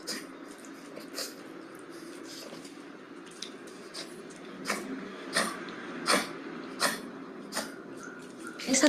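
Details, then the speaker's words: Elderly dog with chronic cough and reduced cough-reflex efficiency: about eight soft, short, low-force coughs ending in a slightly stronger burst; weak, ineffective cough unable to clear secretions. "tos realmente es una tos bastante débil, ¿no? La tos, como bien decíamos al inicio, es un reflejo explosivo para expulsión de secreciones."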